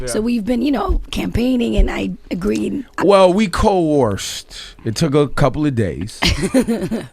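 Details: Adult speaker; ordinary speech.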